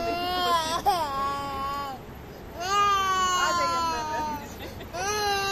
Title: crying baby